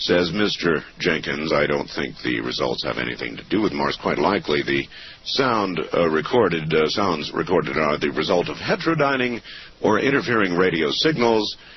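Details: Adult male narrator; ordinary speech.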